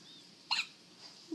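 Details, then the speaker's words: First hiccups in a days-old baby girl: single short, sharp high-pitched hiccup against quiet room noise; infant hiccup. "oh my God I mean it's the cutest little hicups too"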